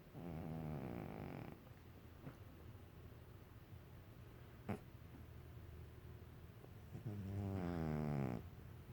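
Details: A sleeping cat snoring: two long, low, buzzing snores separated by a quiet pause.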